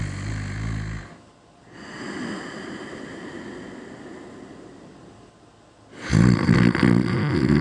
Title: Loud snore